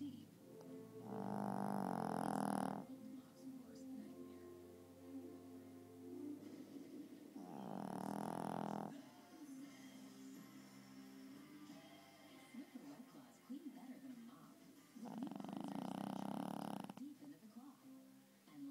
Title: Snoring chihuahua